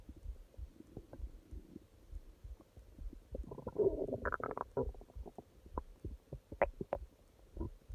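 Gurgling, bubbling rumbles with a few squeaky tones from the belly; ordinary stomach growling, a normal bowel sound.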